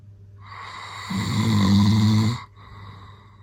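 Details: Adult male (dad) snoring very loudly at night: a single very loud, deep, rumbling snore on the in-breath, then a quiet exhale.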